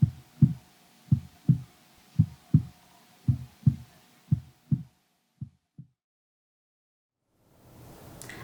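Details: Deep paired heartbeat-like thumps at roughly 57 a minute, fading out before the end, presented as the mother's heartbeat heard in the womb, possibly a drum beat.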